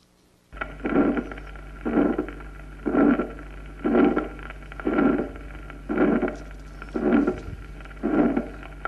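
Regular heartbeats about 60 a minute, each with a harsh rushing systolic murmur and a loud second sound: aortic stenosis ejection murmur with accentuated second heart sound.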